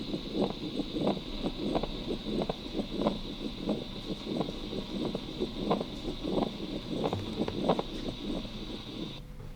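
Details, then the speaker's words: Scratchy, rasping sounds repeating with each heartbeat; pericardial friction rub of pericarditis. "very good so you hear pericardial friction wrap because the in inter innervation because the innervation of the pericardium and myocardium is the same"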